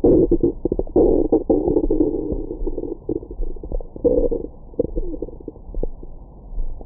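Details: Low, muffled gurgles, clicks and rumbling bursts: ordinary active bowel sounds (borborygmi) recorded with a Stemoscope stethoscope microphone on the abdomen after a large meal.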